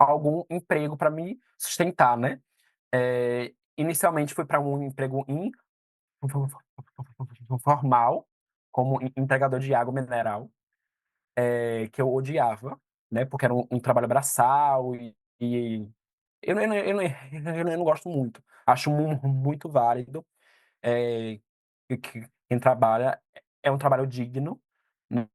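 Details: 22-year-old man who stutters; stuttering.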